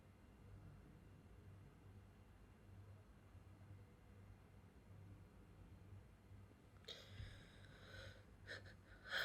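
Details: Steady low room hum for several seconds, then abrupt, sharp bursts of breath and noise near the end: a few sneezes.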